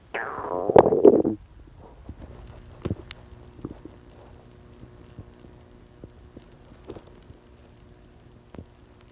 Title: Random Filming During Stomach Rumblings